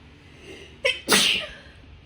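A short inward catch of breath, then one sharp, explosive sneeze that trails off. A single ordinary sneeze.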